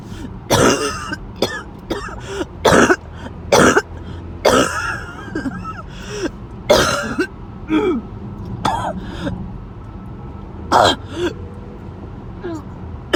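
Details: Sudden, unprovoked episode of repeated harsh, forceful coughs and throat-clearing bursts with gasping between them: harsh coughing with choking.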